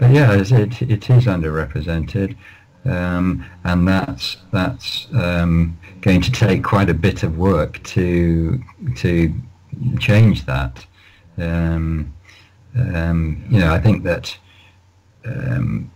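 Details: Lifelong stuttering (stammering) in an adult male, managed with prolonged speech and relaxation techniques.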